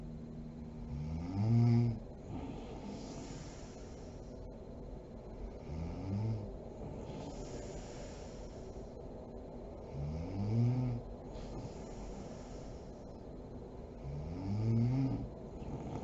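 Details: Mother (adult woman) asleep: low, rattling snores on inhalation, about 15 a minute, with quiet breathing between them; ordinary sleep snoring.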